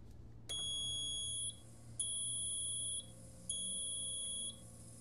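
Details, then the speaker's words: PureVent 5L oxygen concentrator used for a pet, switched on: three long, evenly spaced, high-pitched beeps over low machine hum, the normal startup signal, with the light display flashing three times. "so first and foremost we're going to turn it on there are going to be three beeps and you'll see the light display flash three times normal startup"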